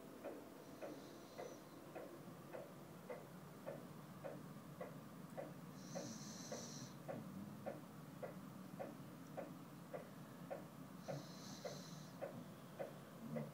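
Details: Dog asleep after a full day of activity, snoring: quiet, even clicking snores about every half second, with brief high chirps twice in the background.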